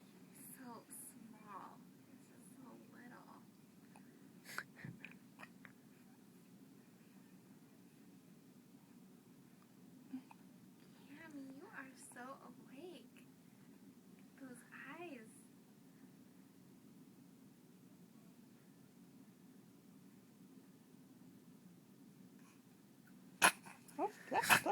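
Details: Sharp, explosive sneezes from a dog in a quiet room with a steady hum and soft voices.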